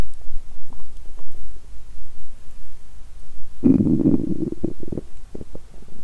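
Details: Woman on a 7-day fast: quiet low gurgles building into a loud rumbling, bubbling growl; hunger-related stomach rumbling (borborygmi), a normal sound.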